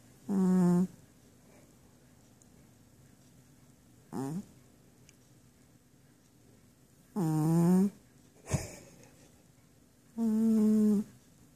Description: My cat is sleeping and his snoring sounds just like farts.